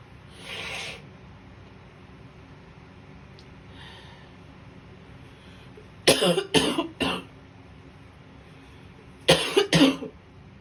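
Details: An adult woman sick with a viral illness, blocked up in the morning after a night of sneezing and a snotty nose, gives five harsh coughs in two clusters after a soft sniff: congested cough.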